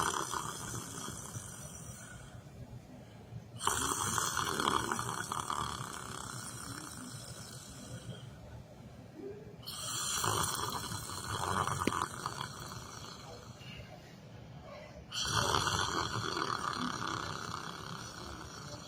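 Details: Harsh, rasping snores recur every few seconds over steady background noise from a person sleeping while sitting in a chair in a library; snoring.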